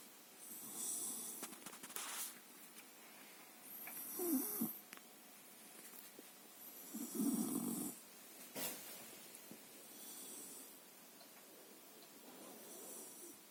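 Soft, snuffly snoring at irregular intervals, with a few louder snorting breaths over a quiet hiss. Light snoring of a sleeping pet.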